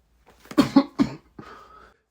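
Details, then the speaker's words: Cough in a comedy skit during a silent reading class in 2020, with the cougher insisting it's just a cold; likely a staged cough. "did this boy just cough no no I swear to God it's just a cold I swear"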